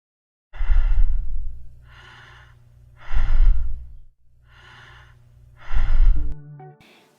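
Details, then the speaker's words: Normal quiet breathing (eupnea), rhythmic and harmonious inspirations and expirations: steady, evenly spaced breaths with a smooth, regular rhythm. "a respiração fisiológica consiste na realização de inspirações e expirações ritmadas e harmônicas O que representa a eupnéia"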